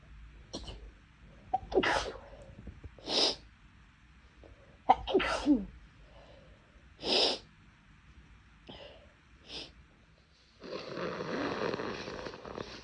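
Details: Person whose nose has been bothering them recently, with sneezes bigger and louder than normal, cause unknown: several big, forceful sneezes with sharp breaths between, then a long nose blow.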